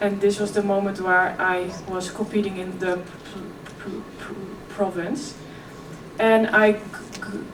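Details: 26-year-old woman who has stuttered since early childhood: effortless as a child, covert stuttering at ages 11–15, now more struggled. She speaks at a keynote on stuttering and OCD. Stuttering.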